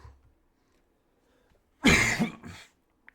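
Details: Cough from an adult during an unedited spoken recording: one loud, harsh cough with a short follow-on burst in a quiet room.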